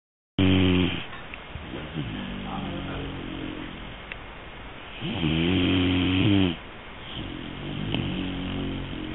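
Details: Three-month-old Great Dane puppy snoring while asleep: loud rumbling snores, several long noisy breaths in a quiet room.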